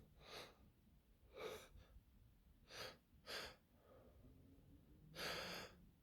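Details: Several sharp, noisy gasping breaths in a row, the build-up intakes before a sneeze; gasping inhalations.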